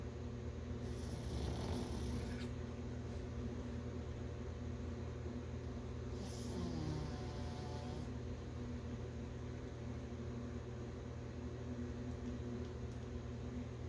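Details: Napping puppy snoring: soft snoring breaths over a steady low hum, with a couple of brief louder snorts; ordinary sleep snoring.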